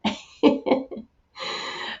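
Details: Adult woman, sick with a raspy voice and wheezing, gives a short run of four quick coughs, followed by steady background sound.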